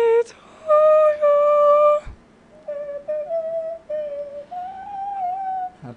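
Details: Vocal fold nodules (mucosal injury) heard in a Happy Birthday singing task used to detect vocal cord mucosal abnormalities, with raspy air escape, onset delays and squeaks; dysphonia from vocal fold nodules.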